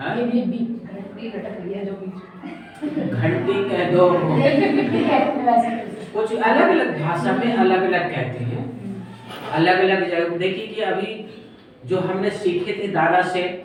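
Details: Adult speaker; normal speech.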